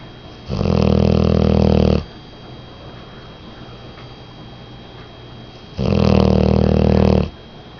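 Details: 10-month-old female English Mastiff snoring in sleep: two long, loud, rumbling snores a few seconds apart with quiet between; owner says she usually snores louder.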